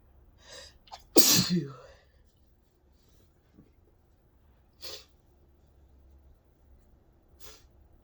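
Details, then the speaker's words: Deliberately induced sneeze, possibly allergy or sensitivity (person unsure), triggered by a nose tickle in bright sun: a short inhaled gasp, then one loud explosive spray sneeze, faint breaths after; part of repeated double sneezes. "I'm getting so many doubles ow oh my God I don't know how many gone times have sneezed so far"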